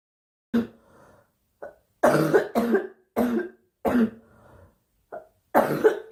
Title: Girl Coughing 310